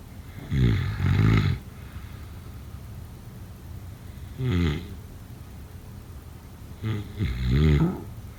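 Three loud, low, rattling breath sounds with quiet pauses between, a rough vibrating snore on each breath, about 20 breaths a minute.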